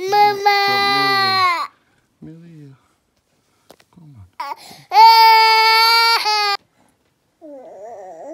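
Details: Infant boy crying at bedtime while his bottle of milk is being made: two loud, sustained cries with pauses, plus softer whimpers and brief sounds in a small room.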